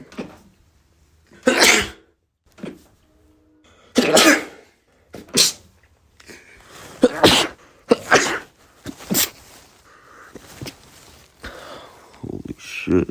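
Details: Male sneeze compilation: series of about eight sharp bursts, coughs or sneezes, separated by short quiet gaps.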